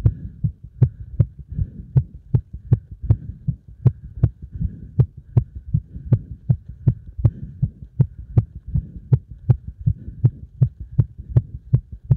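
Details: Fast, strong, regular thumping heartbeat at about 150 to 160 beats a minute, a heart pounding under heavy exercise load; tachycardia after exercise.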